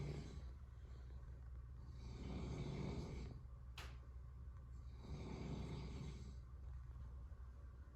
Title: Bunny Hears Snoring